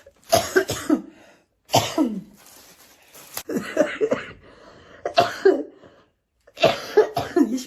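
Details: Ill woman coughing through most of the recording, mentions sleepless night: five bursts of harsh, fairly wet coughs with quiet gaps, in a small room.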